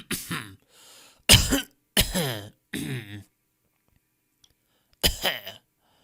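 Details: Stock audio of people coughing in different styles: five separate coughs, some harsh and voiced, with a short silent gap before the last.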